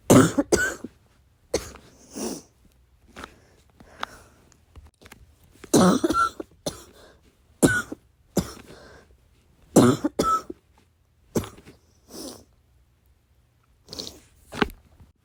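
Repeated short, muffled coughs, some in pairs, held back quietly in a quiet room.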